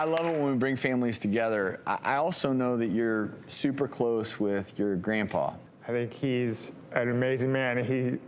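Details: Adult male speaker; no speech disorder.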